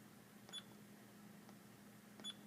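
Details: Faint, short electronic beeps over low room hum as a therapeutic ultrasound unit is set to 3.3 setting, 20% duty cycle, intensity 0.7, for a superficial area of medial ankle pain in a demonstration session.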